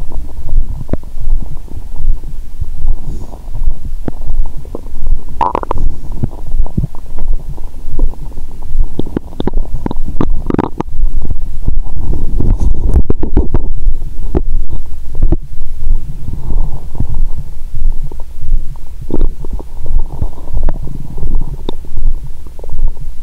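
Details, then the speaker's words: Adult woman's abdomen heard through a stethoscope after eating and drinking wine following a 22-hour fast: low, irregular gurgles and rumbles; normal active bowel sounds. "When I listened to the sound of my stomach with a stethoscope, I knew that my stomach was so noisy."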